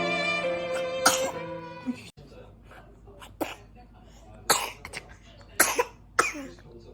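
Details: 100-day-old baby with a cough and cold: several short, sharp coughs after a brief stretch of music.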